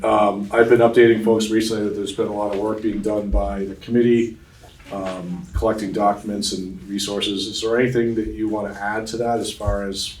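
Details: Adult male speaker; normal speech.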